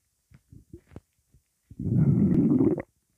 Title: Rock star Energy drink rumbling part 2